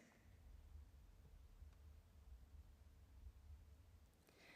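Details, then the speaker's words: Normal heartbeat recorded at the ear using a speaker at the ear as sensor with signal conditioning amplification, after frequency filtering; faint, muffled low thumping with steady low hum. "You can see that the signal is much less clear, but if you look closely, you can still see that there are these heartbeat cycles. And after frequency filtering, the signal becomes much clearer, and you can even hear it."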